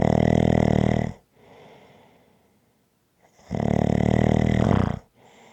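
Two long, loud, rattling snores on the in-breath, each followed by a quieter breath out.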